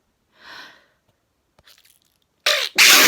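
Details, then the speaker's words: Adult sneezing at bedtime, recorded on a phone; a soft sniffing inhalation and a gasp, then two loud, explosive bursts of air. "oh god let's choose my language what no i didn't swear actually i felt like swearing because i was sneezing didn't even realize i was sneezing"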